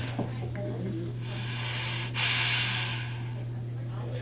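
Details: Male laryngectomee, a new user of a Provox FreeHands hands-free HME with a medium-weight diaphragm, breathes forcefully under increased demand; hissing stoma breaths, valve stays open: stoma breathing through hands-free HME valve.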